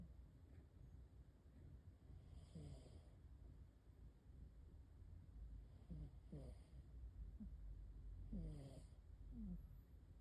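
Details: Snoring from a sleeping cat: soft, short, squeaky snores every few seconds over a low steady room hum.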